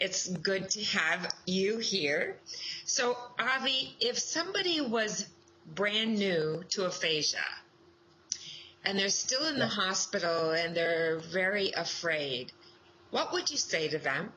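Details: Adult woman speaking; normal speech.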